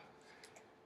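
After brief quiet, a single loud, breathy rush of air fades away: an acted adult sigh, a normal breathing event.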